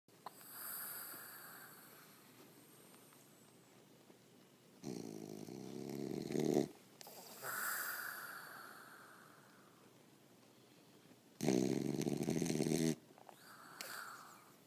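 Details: Sleeping animal snoring: loud rattling snores on inhalation alternate with long, hissing, whistly exhalations.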